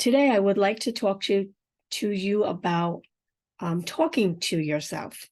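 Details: Woman with aphasia and apraxia of speech after a stroke, unedited podcast speech: aphasia with apraxia of speech.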